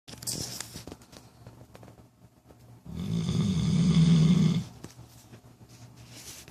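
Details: A snoozing pet snoring days before later seizures: a single long, loud, rattling snore on an in-breath, with quiet breathing before and after; snoring.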